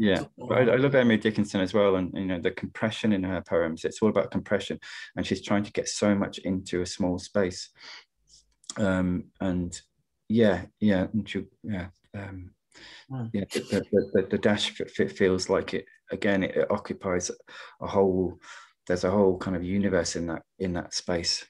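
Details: Adult poet who stammers, speaking in a webinar on stammering and creativity; stammering.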